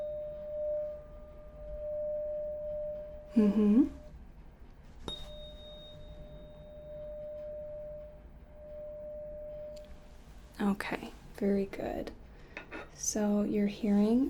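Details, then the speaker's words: A 512 Hz C-note tuning fork is struck for a simulated cranial nerve 8 hearing test in an ASMR roleplay neurological exam; the patient has eyes closed and reports left or right ear. "test this is a c note it is a 512 hertz tuning fork okay so i'm going to be striking the tuning fork"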